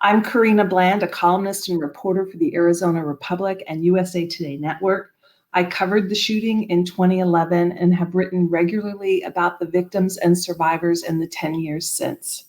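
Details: Adult woman speaking; no disorder.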